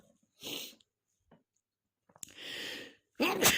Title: 1.0: You Are (Not) A Stifler [M, Random + cold sneezes]